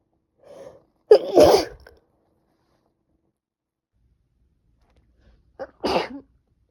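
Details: Two sneezes, each with a brief in-breath before the burst, a few seconds apart: repeated sneezing in a woman on the second day of a cold.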